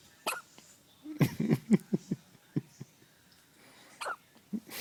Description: One day old Baby Boy who has the hiccups